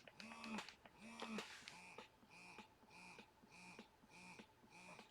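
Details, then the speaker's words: Willow Go wearable breast pump running: soft rhythmic whirring pulses about 76 a minute, fairly quiet, not obnoxious, louder at higher levels. "it is pretty quiet but of course there's always some sound it's not obnoxious though the higher you get the louder it gets"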